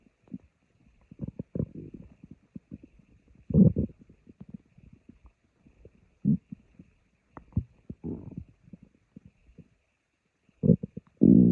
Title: My stomach growling